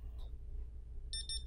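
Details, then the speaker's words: Portable pulse oximeter placed on a patient's fingernail in a nursing vital-signs demonstration gives a quick series of high beeps over a low room hum before showing SpO2 and heart rate. "And you're going to wait for it to beep, and it will tell you their SpO2 and their heart rate."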